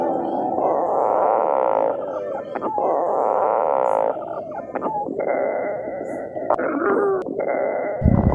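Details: A woman's stomach growling: long, loud gurgling and rumbling with squeaky, whine-like stretches, from gas and fluid moving through the gut.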